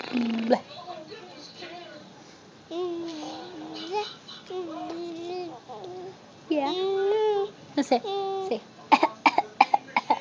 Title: 'Fake Coughing'